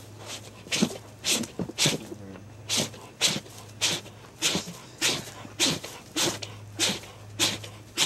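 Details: Never-ending sneezing from a bear, described as having serious allergy problems: a long run of sharp, explosive sneezes, about fourteen in eight seconds.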